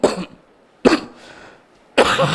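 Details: Three short, loose coughs from an adult man during a spoken sermon, the last drawn out like a throat clear; cough.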